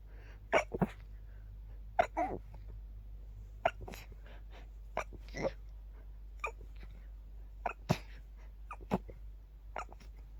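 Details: A middle-of-the-night itchy sneezing fit, stifled to stay quiet: a run of quick, quiet, suppressed sneezes, roughly a dozen in ten seconds, in close succession.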